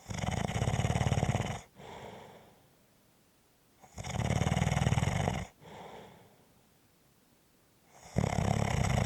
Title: Sounds of Snoring